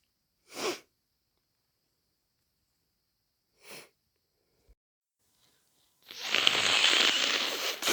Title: Day 3 of my cold - Sneezing and blowing all day (Compilation)